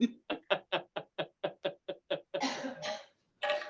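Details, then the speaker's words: Adult woman, partner of the speaker, walking behind him and trying to keep quiet: a rapid run of about eleven short coughs, then longer, harsher bursts; a coughing fit. "it sounds like such a sad coffee she's unbelievable I think she's trying to keep it quiet"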